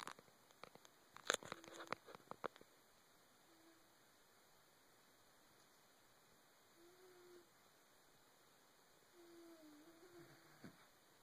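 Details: Faint, low musical whistles recurring with each breath of a sleeping animal, recorded August 2012: wheezing during sleep.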